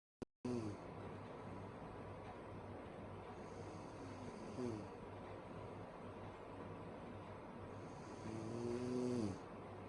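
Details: Sleeping woman snoring loudly: slow, loud snoring breaths with rough, fluttering sounds on breathing in, over steady room noise.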